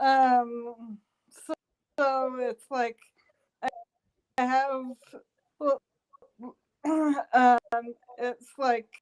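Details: Adult woman stroke survivor working on speech and memory, improving with practice sessions, still struggling to get words out; post-stroke aphasia.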